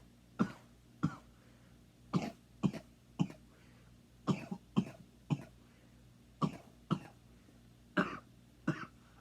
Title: Dedicated to all the coughing fans, enjoy